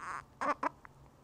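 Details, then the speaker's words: An infant with hiccups: two short, sudden voiced catches close together. "hi cameron oh what's up have you got the hiccups is that yes"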